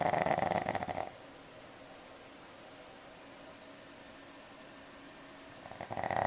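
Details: Rattling, buzzy snore on the breath from a sleeping pug, with a long quiet pause between breaths, recorded on a Flip Video camcorder: snoring.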